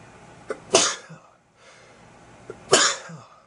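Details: Person attempting to induce sneezing for about 12 minutes: two sneezes, each a short inward catch of breath then a loud explosive burst, after a false start.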